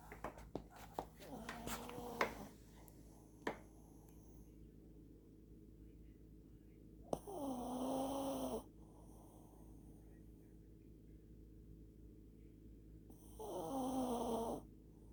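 Three long, rattling, tonal snores on breathing in, about 4 breaths a minute here, with quiet pauses and room noise between.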